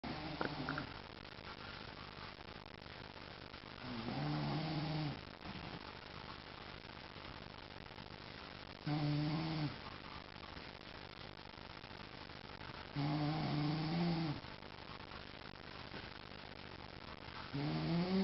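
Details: Adult man (the poster's dad) snoring while asleep on the couch: loud, rough inspiratory snores recurring about every 4 to 5 seconds, roughly 13 a minute, with quieter breathing between them.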